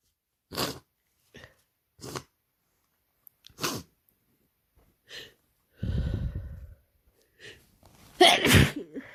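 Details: Non-binary person with a common cold for two days gives a run of short sneezes with sniffs and wet, noisy breaths between, ending in a forceful sneeze; repeated sneezing.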